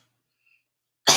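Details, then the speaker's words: Normal voluntary cough on request after a sip of nectar-thick liquid during swallow assessment; one strong, sharp cough burst with clean onset, all sounding normal. "all right i'm gonna cough all right all sounds normal all right same thing here we go"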